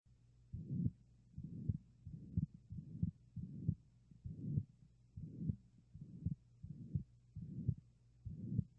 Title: 🫀🔊🩺VSD - ABNORMAL HEART SOUND & STETHOSCOPE PART(USE EAR PHONES FOR BEST SOUND & SEE DESCRIPTION)🔊👂🏼